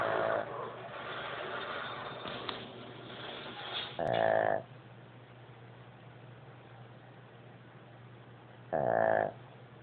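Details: Two short, rough, rattling snorts about five seconds apart from a pug, over steady low room hum; snoring in a flat-faced small dog.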